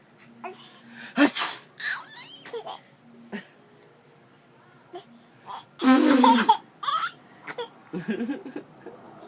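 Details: Father sneezes into a tissue held by his 9-month-old daughter, who laughs hysterically.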